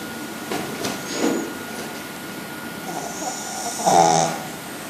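Two soft, rough breathing sounds over a quiet background, the second louder with a snorting rattle, fitting snoring in a small dog.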